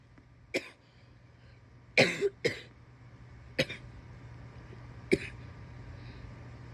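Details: Adult woman with wet coughing, heavy breathing and sniffles: about five short, loose-sounding coughs spaced over several seconds with quiet between.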